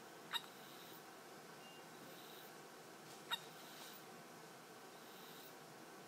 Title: Baby Hiccups